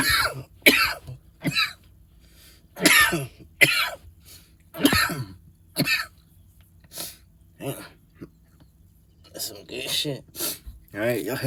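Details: Adult coughing fit after taking a hit of smoke: repeated harsh coughing bursts and throat clearing, some with rough, voiced tails, in a small quiet room.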